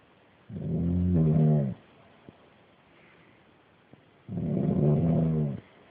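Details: Two loud, low, rattling inspiratory snores separated by quiet out-breaths, about 16 breaths a minute, from a sleeping uncle.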